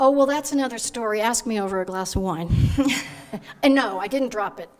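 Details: Adult woman speaking; Normal speech.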